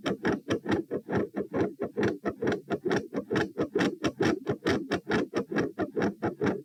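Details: Heart sounds recorded at position P while standing, at 132 bpm, reproducing feeling unwell and like dropping after 5–10 minutes standing; fast regular beats, changing patterns, silent halfway then increasingly louder; tachycardia with third heart sound, fixed split S2 and murmur.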